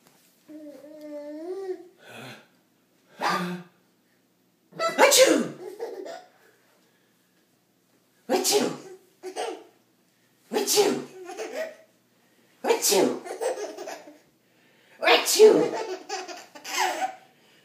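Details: Adult imitating loud, explosive sneezes, repeated bursts each followed by a baby laughing hysterically; fake, simulated sneezing, not real.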